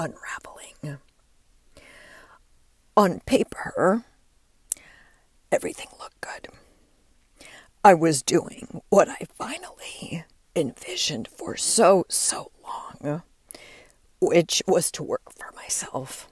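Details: Adult woman with diagnosed spasmodic dysphonia, which she links to stress; her voice began to fail and she says it is still audible as she works through it; spasmodic dysphonia.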